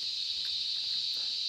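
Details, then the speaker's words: Simulated masking sound for Maxence's tinnitus, a steady high-pitched hiss near 4 kHz at a frequency close to his tinnitus pitch, used to attenuate it: tinnitus masking sound. "Ce bruit, qui vous paraît aussi désagréable que le premier, est une fréquence voisine qui va en fait atténuer son acouphène."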